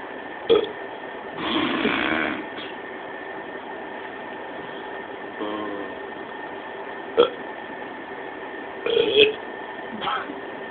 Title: Burping!!